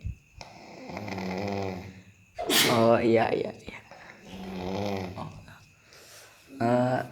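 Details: Loud, rough, rattling snores in slow repeated breaths, with a louder, harsher snort in between and a steady room hum behind; snoring.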